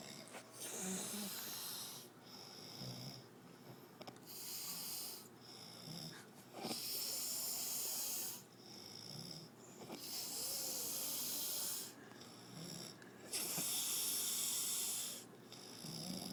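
Loud hissing, rasping breaths repeating about every three seconds, roughly 19 a minute, with a whistly edge. Noisy snoring during sleep.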